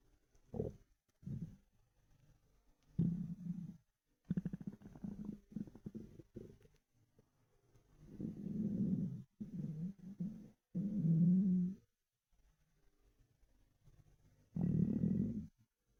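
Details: Hungry stomach rumbling: low gurgling, rumbling bursts coming and going irregularly over quiet gaps; loud but normal borborygmi.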